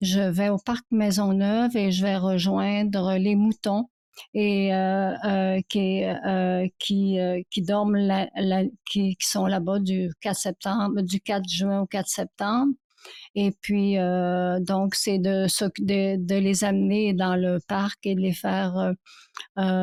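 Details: Woman aged about 65 who has stuttered since childhood and now stutters rarely, mainly in more fragile situations: stuttering.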